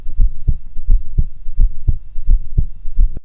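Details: Strong, regular lub-dub heartbeats recorded through two stethoscopes in near-stereo, about 85 a minute, with a faint steady hum behind; ordinary heart sounds.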